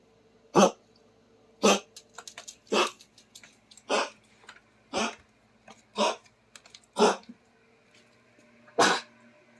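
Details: Dog coughing: eight short, harsh, hacking coughs about a second apart, with faint snorts between them and a low room hum.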